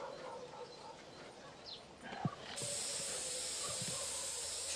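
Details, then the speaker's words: Faint outdoor noise, then a steady hiss as blue disinfectant spray is applied to a cow's stitched surgical wound after 14 kg of plastic was removed from its rumen; the wound is thought infected. "probably need more than a bit of blue spray to beat the infection in there but we'll put on some antibiotics and should be fine"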